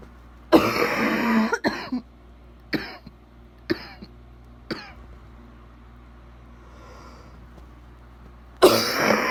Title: Bad wet coughing